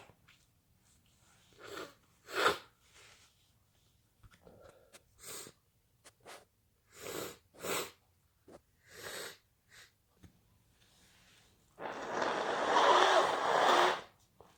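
Series of short sniffs and snorts building up, with small bursts, then a long forceful blast at the end; repeated itchy sneezing.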